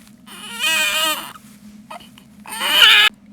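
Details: Newborn boy crying: two loud, high-pitched wailing cry bursts separated by a brief pause; an ordinary infant cry.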